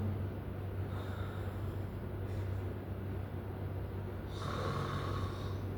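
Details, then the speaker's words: Snoring played to students as a sound to identify. Low, rumbling breaths with a rough snorting edge over a steady background hum. "Oke, bunyi apa tuh? Mengorok. Bedekur. Bedekur. Mengorok itu apa? Itu bedengkur. Iya, bedengkur."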